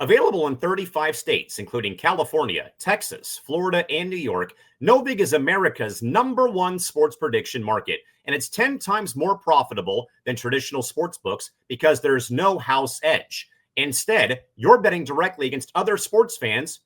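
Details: Adult male speaker; Normal speech.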